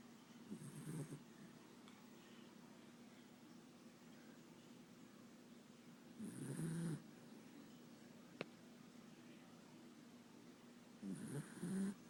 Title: My weinie dog elvis snoring (: